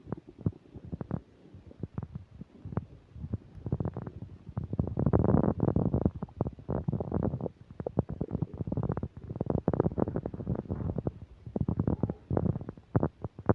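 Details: Loud, nearly continuous rumbling and gurgling with rapid crackly pops: vigorous borborygmi while eating a burger and fish fries, with upset digestion.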